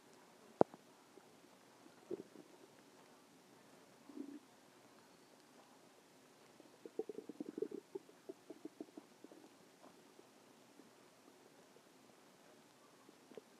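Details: Stomach growling: quiet gurgles and a run of bubbling clicks and rumbles from the belly, normal borborygmi from gas and fluid moving.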